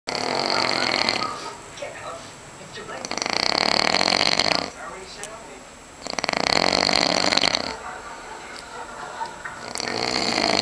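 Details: Adult man snoring very loudly in a hotel room, sounding almost like suffocating: three long, harsh, rattling breaths, each followed by a quieter noisy outbreath, suggesting a narrowed airway.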